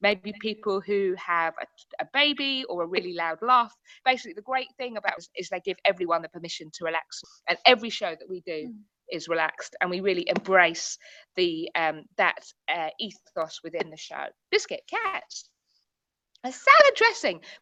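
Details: Tourette syndrome in a woman, with repeated involuntary vocal tics of the word "biscuit" that she cannot control, sometimes triggered by things seen or heard; Tourette syndrome vocal tics.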